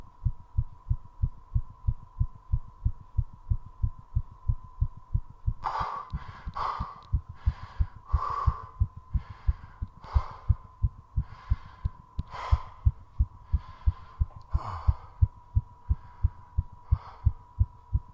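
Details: Recovery, which included two short breath-holds, after 3.5 minutes of squats: very fast, regular heartbeat with quick, heavy breathing as the body recovers.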